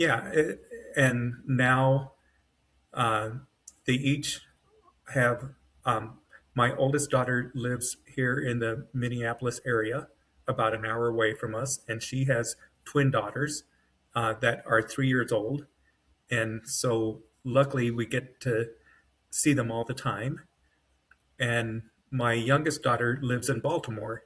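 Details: Adult man with self-rated mild to moderate aphasia (severe on waking) after an AVM brain hemorrhage, surgery and a 10-day medically induced coma, with right-side paralysis and foot drop; brain faster than mouth; aphasia (mild word-finding difficulty).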